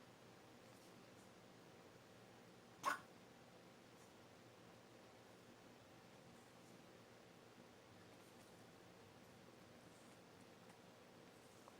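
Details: Cough: a pet duck that often scarfs its food gives a single short, sharp cough or choking hack with oatmeal stuck in its throat; usually clears after drinking water.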